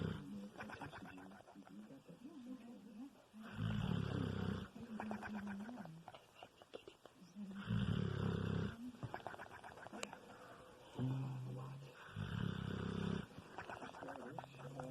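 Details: Bulldog snoring "Three Stooges style": deep rumbling snores with fluttering, lip-flapping bursts on each breath out, a few seconds apart; heavy snoring in a flat-faced dog.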